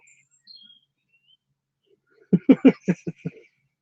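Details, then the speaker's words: Belly gurgling (bowel sounds) from a full belly, gas moved around after belly laughing: a quick run of six low bubbling bloops after faint bird chirps, mistaken at first for an animal outside. "I thought I heard an animal outside. It was actually my belly gurgling."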